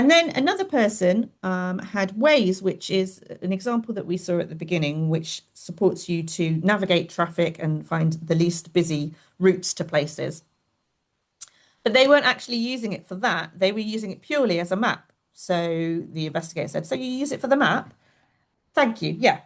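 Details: Adult woman speaking; normal speech.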